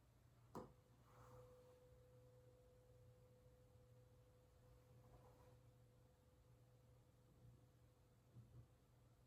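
A tuning fork is struck and holds a steady, pure hum that slowly fades; a Rinne hearing test with a normal result.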